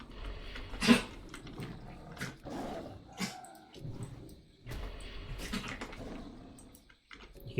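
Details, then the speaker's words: A dog gives several harsh, throaty coughing bursts in a quiet room; episodes seem to occur only during sleep, she wakes and is then fine; sleep apnea suggested. "my dog coughing in the background furball suggested being like sleep apnea because it only seems to happen when she's like arting middle of sleeping"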